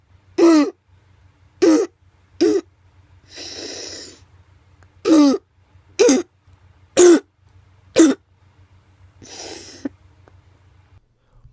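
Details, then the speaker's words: Child with mild croup (laryngotracheobronchitis): short, harsh barking coughs in runs with quiet breaths between and no inspiratory stridor; barking cough. "mild crook typically has a barking cuff without inspiratory"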